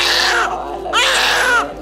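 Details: Newborn baby girl shortly after birth: two loud, high-pitched wailing cries with a brief breath between them; vigorous newborn cry.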